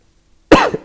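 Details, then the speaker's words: Cough from an adult speaker who says they are unwell: a single abrupt cough after silence, one sharp burst with a brief trailing sound. "Sorry खांसी है। तबीयत खराब है।"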